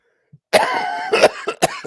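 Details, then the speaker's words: Adult man with a weak chest, coughing for three weeks and on his second course of antibiotics, feeling exhausted daily: two or three harsh, wet-sounding cough bursts; lingering cough. "But because I've got a weak chest, it's going to take me ages to get rid of this cough. And because I've got a weak chest and got the cough, every day I'm just completely exhausted."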